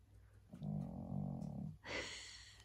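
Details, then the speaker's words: Dog snoring while asleep: a single low, rumbling snore followed by a softer airy exhale in a quiet room. "Can you hear Winnie snoring?"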